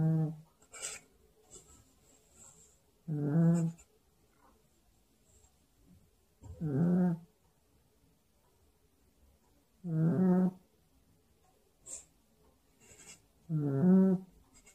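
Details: A sleeping puppy snoring: regular rough, buzzing breaths at about 17 a minute with soft whistly sounds between.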